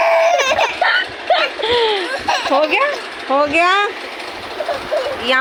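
An infant fusses and vocalizes in short, pitched cries and coos with rising and falling tone.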